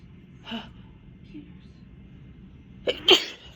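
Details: A woman sneezing at night from dust, after sneezing all day, gives a soft intake and then a sudden double burst of air and voice; the sneezes are tickly and drawn out.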